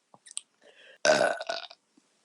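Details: A few faint clicks, then one loud, rough, drawn-out belch lasting most of a second, ending in a shorter burst, from a woman after chugging beer while deliberately swallowing air; burping.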